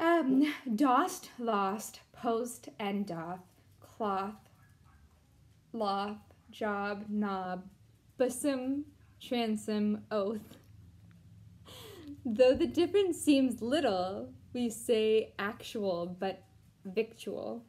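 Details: Deaf speech in a deaf woman reading an English poem aloud without being able to hear herself.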